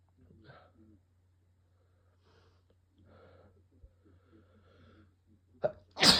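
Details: Induced cold sneezes: quiet murmuring and breathing, then a sharp catch and a loud explosive sneeze at the end.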